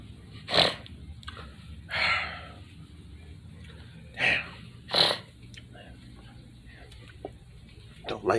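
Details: Several abrupt, hissing sneezes a few seconds apart in a quiet living room.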